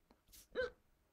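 A soft breathy intake followed by a sharp, abrupt voiced catch, a single hiccup from an adult man in a quiet room.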